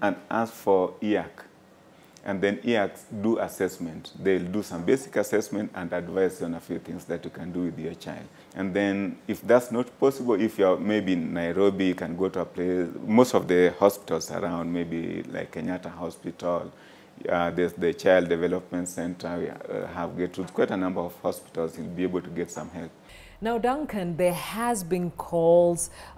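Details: Adult man speaking in a small room; normal fluent speech.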